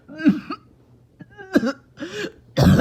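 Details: Several harsh barking coughs with a tight, whistling wheeze after a bad 48 hours; an awful barking cough with wheeze.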